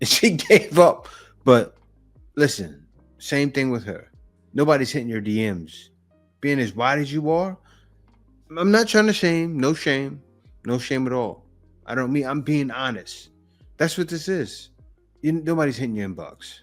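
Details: Adult speaker; ordinary conversational speech.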